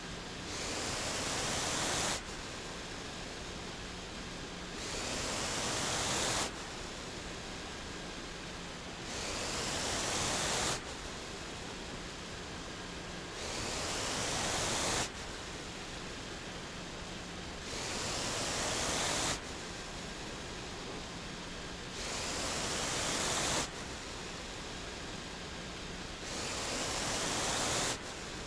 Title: What Does My Ventilator Sound Like? Be Inspired to Live Your Best Life. Life with a Vent